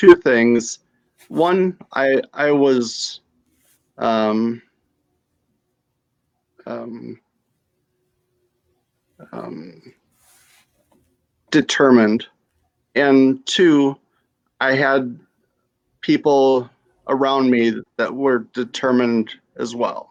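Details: Stroke survivor with mild to moderate aphasia from a stroke at age 35, now 7 years post-stroke, with right-side weakness; reports the words are there but hard to get out.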